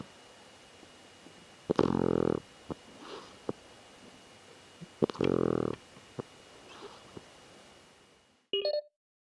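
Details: A cat that rarely snores, snoring in its sleep: two short, buzzing snores a few seconds apart on in-breaths, with quiet breathing between. The owner suspects an awkward sleeping position. Snoring.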